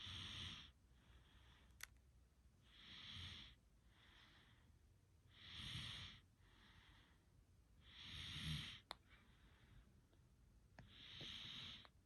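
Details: Snoring during sleep: slow, rough, hissing breaths with a soft snorting quality, about five per minute in this stretch.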